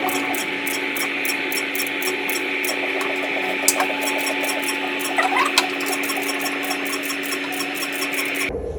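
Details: Steady hum with rapid, regular clicking pulses as the Morpheus8 radiofrequency microneedling handpiece fires on the face, around the eye bone ridge, ear and jawline, ending abruptly. The treatment was combined with PRP.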